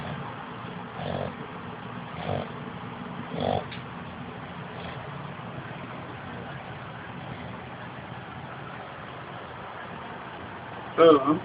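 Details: Sleeping female dog snoring: short, snorting snores about one every second over steady background noise, then a louder snort at the end before she wakes.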